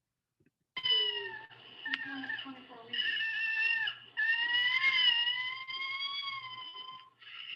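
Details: Recorded infant cry, presented as the cry of cri-du-chat syndrome: very high-pitched, thin, sustained wails with a cat-like mewing quality, in several drawn-out bursts.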